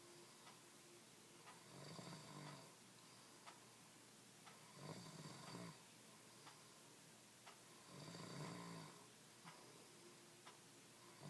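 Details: Husband's buzz-saw snoring: loud, rasping, harsh vibrating snores in three long buzzing bursts about every three seconds, with faint regular ticking between them.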